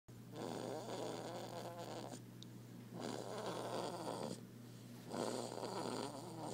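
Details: A sleeping baby snoring loudly: rough, noisy breaths in three regular bursts, about 26 a minute, over a steady low hum.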